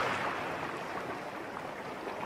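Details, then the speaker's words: Ocean wave tinnitus masker played from hearing aid software, one of four ocean-wave therapy signals designed to mimic the sea: crashing waves sound. "दूसरे, उनके पास चार अलग-अलग महासागर तरंग चिकित्सा संकेत हैं, जिन्हें समुद्र की आवाज़ की नकल करने के लिए डिज़ाइन किया गया है।"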